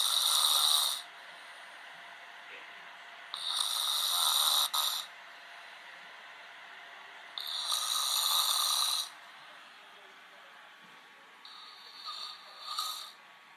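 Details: A man snoring in a scene replayed from the TV drama Law and Order, season 11: harsh, hissing snores recurring about every four seconds during sleep.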